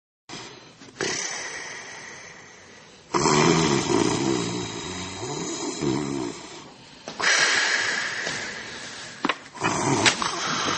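Loud, harsh, rattling breaths recur through the clip with quieter gaps between them, typical of heavy snoring.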